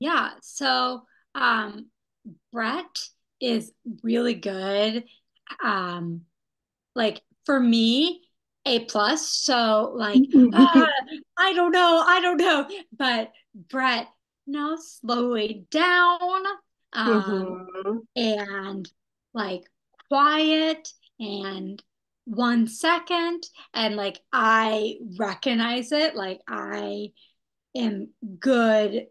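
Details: Young woman who had a stroke at age 27, previously healthy, with post-stroke aphasia, after intensive rehabilitation program; aphasia.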